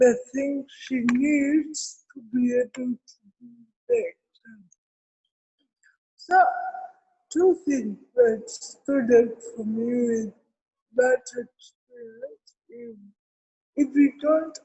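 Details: Adult woman with cerebral palsy present since birth; dysarthria in cerebral palsy.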